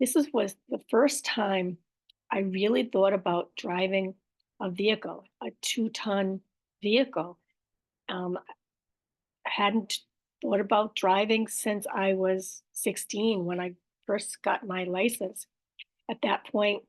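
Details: Aphasia with apraxia of speech and dysarthria in an adult woman after a stroke, with word-finding errors, repetitions and self-corrections.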